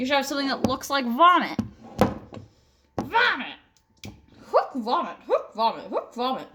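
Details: Vocal tics in a person with Tourette syndrome who uses a service dog that alerts to tic attacks; a repeated word is heard, consistent with vocal tics.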